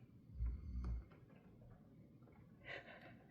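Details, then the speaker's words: Snoring from the speaker's husband asleep beside her during heavy rain: one low, rumbling snore in a quiet room, followed by a soft rustle and faint background hiss. "My husband's snoring away right next to me. Can you hear both in the background or can you just hear me?"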